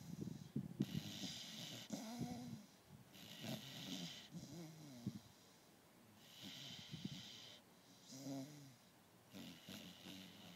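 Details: Beagle snoring: snuffling, snorting breaths with hissy airflow and short nasal grunts, about four breath cycles.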